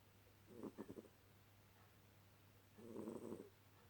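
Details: Two quiet fluttering snores, rough vibrating breaths a couple of seconds apart, from a cat during an afternoon nap; snoring.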